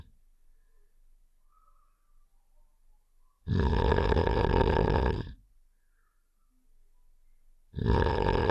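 Two loud, long, rumbling snore-like sounds separated by quiet pauses; a game character's snoring sound effect.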